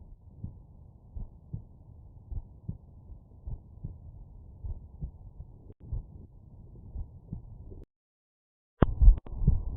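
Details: Normal heart sounds heard by stethoscope auscultation at the mitral area with the subject lying on the right side: regular paired lub-dub beats at about 72 a minute, with handling noise at the end.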